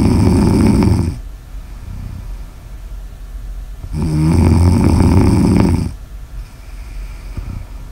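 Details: Loud rattling snores on each breath in, two long snores with quieter breathing between, close to the microphone; snoring recorded for ASMR.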